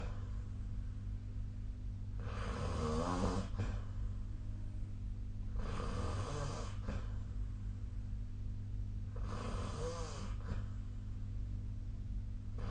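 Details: Snoring in sleep recorded with the SnoreLab app: three loud, rattling snores, one roughly every 3.5 seconds, over steady low room hum.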